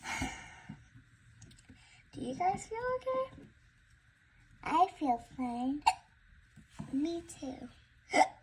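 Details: A child speaking in a quiet room, her speech broken by short, abrupt catches of breath: hiccups.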